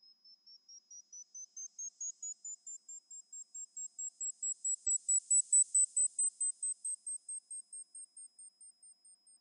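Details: Mimi Hearing Test iPhone app, left ear test: rapid, evenly spaced high beeps about two per second, rising and falling in loudness; pure-tone hearing screening tones.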